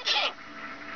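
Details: A single short, sharp hissing burst, then quiet room noise: a sneeze from a cat, whose owner wonders whether he has allergies.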